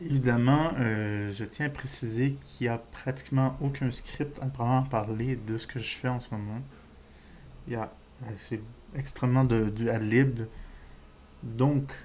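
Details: Adult man with diagnosed ADHD; speech disfluency (stuttering-like) he says resembles stuttering but is not stuttering, linking it to ADHD.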